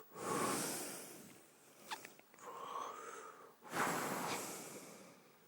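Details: Light snoring: breathy, hissing breath sounds with a whistling edge, rising and fading over a few breaths.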